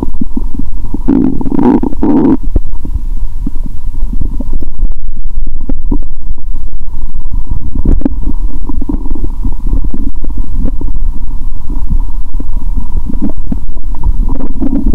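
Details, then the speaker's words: Adult's own abdomen through a stethoscope after eating many Mentos with cola; she hears bubbles, then reports bloating and pain: loud, continuous low gurgling and rumbling with a steady hum behind; active bowel sounds. "Tôi đã ăn rất nhiều Mentos, vì vậy tôi có thể nghe thấy tiếng bong bóng trong dạ dày của tôi! !! .."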